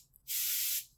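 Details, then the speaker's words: Brief steady hiss of air, about half a second, as a dental air-water syringe blows air while being shown to a child in the dental chair before a cleaning: normal dental air-water syringe air blast. "Oh, did you know this water gun has air too?"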